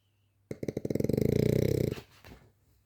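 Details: A sleeping French bulldog snoring: a single loud, rattling inward snore with rapid fluttering vibration, then softer breath noises; snoring in a flat-faced dog.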